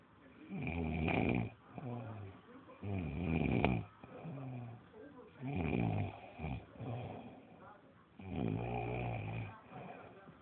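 Loud rattling snores on each breath, about four over ten seconds, with quieter exhalations between: ordinary snoring.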